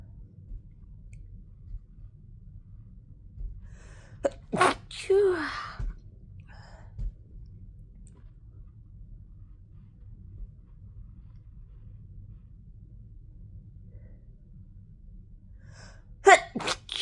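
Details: Post sneezing fit arriving suddenly about 5 minutes after earlier sneezing: powerful sneezes, one with a drawn-out noisy release, then a quiet gap and another quick pair.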